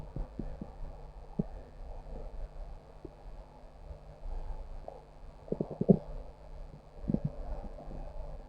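Low gurgling and rumbling with scattered short pops, loudest near the middle; an ordinary stomach growl from gas and fluid moving in the gut.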